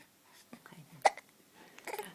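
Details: Smiling infant hiccups: one sudden sharp hiccup amid soft baby sounds and breaths.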